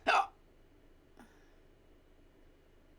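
A single sharp, abrupt vocal hiccup, followed by a fainter second catch about a second later, in a quiet room.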